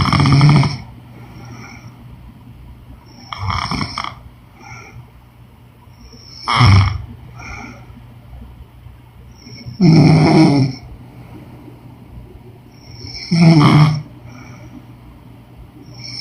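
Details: Woman snoring during sleep: loud, low rattling snores on each breath in, about five in sixteen seconds, with quiet pauses between.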